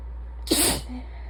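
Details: Congested sneeze near the end of a sinus infection: one sharp hissing sneeze over a steady low hum.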